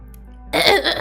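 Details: A single short, noisy cough or throat-clearing burst from an adult livestreamer who says they are kind of sick and their voice sounds weird.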